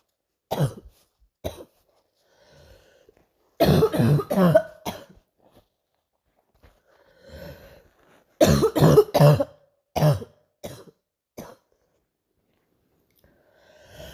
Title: night coughing